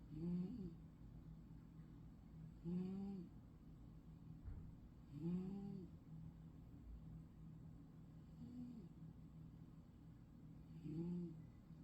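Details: Sleeping cat with loud snoring: five rough, rumbling breaths in about 12 seconds, roughly 25 a minute, over a low steady room hum.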